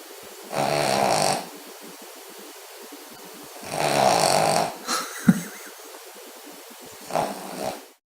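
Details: Loud, rattling snores on the in-breath with quieter snorts between, from a foster Spaniel dog sleeping in a small room; snoring.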